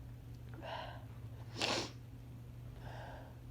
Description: Day 3 of my cold induced these out felt good but tore my poor throat apart.